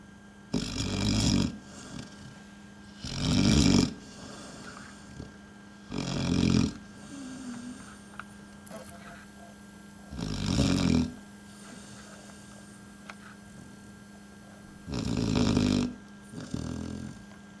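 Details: Dog sleeping on a boot, snoring; loud, rough snores, five in about 17 seconds, each a long noisy breath with quiet gaps and a steady background hum.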